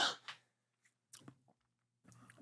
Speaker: I gotta sneeze you want to hear it